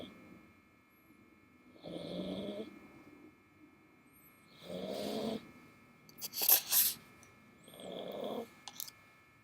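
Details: Rough, rumbling snores about every three seconds (about 20 a minute), with a brief snort between them, from a sleeping dog recorded up close in bed.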